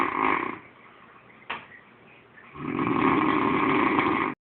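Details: Marat snoring: loud, coarse, fluttering snores with a rattling, vibrating quality and a snort between them, likened to a horse; heavy snoring.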